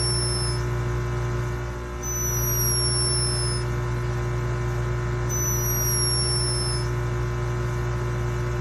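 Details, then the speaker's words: A pet hummingbird snores while asleep: faint, very high-pitched falling whistles repeat every few seconds over a steady background hum. "ia membagikan saat kolibri miliknya sedang tidur tanpa disangka ternyata koleganya itu terekam sedang mendengkur"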